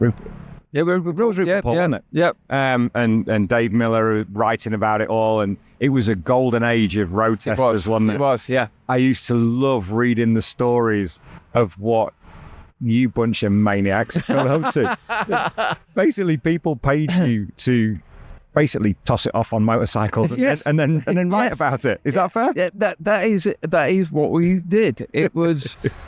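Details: Adult men in conversation; normal speech.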